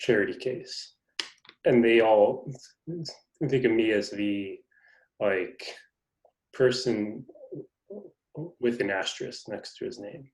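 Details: Adult man who stutters, described by the host as having a pretty good stutter going on; stuttering.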